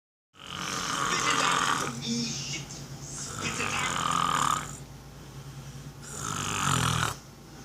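Three loud, rough, rattling inhalations about three seconds apart, roughly twenty breaths a minute, over faint television talk: ordinary snoring.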